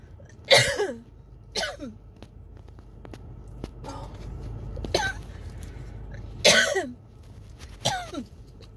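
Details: Coughing fit from a throat tickle with shortness of breath, recorded in a car; chest patting, water and an inhaler did not stop it: six harsh, rasping coughs with gaps, faint car noise.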